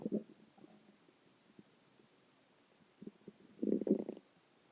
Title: stomach growling 1